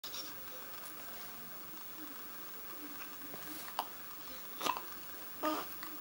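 Quiet room noise, then three short, abrupt gulping sounds in the last two seconds: hiccups.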